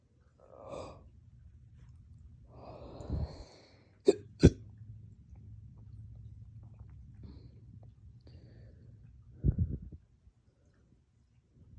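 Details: Hiccups combined with belching (painful hiccup-burps) after a dog walk and drinking water too fast, felt as chest pain and short-lived: scattered sharp hiccup clicks and short low belches over quiet breathing.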